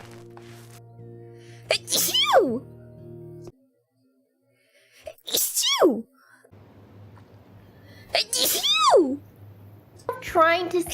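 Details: Several tiny, high-pitched squeaky sneezes with soft music underneath; small "baby" sneezes.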